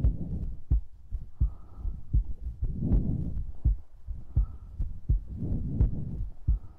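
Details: ASMR recording of a heartbeat: low, muffled thumps at about 85 a minute, somewhat uneven, with soft breathing-like noise between beats.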